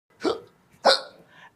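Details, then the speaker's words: Person with many hiccups asking mother for water: two abrupt, sharp voiced gulps about half a second apart; hiccups. "Mummy मेरे को थोड़ा सा पानी देना। बहुत हिचकी आ रही है।"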